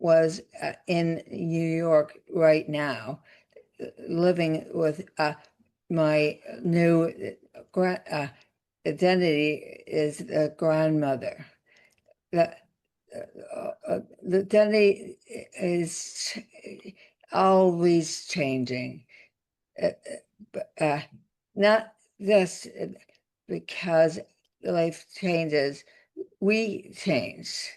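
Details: Adult woman, former professor, with aphasia after a significant stroke that also caused paralysis, receiving speech therapy; speech with word-finding pauses and garbled words; aphasia.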